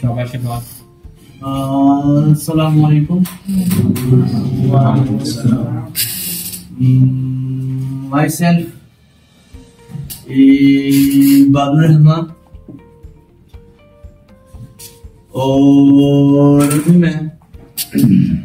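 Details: Stuttering in a man who stammers, giving a self-introduction speech; prolongation technique and costal breathing are referenced.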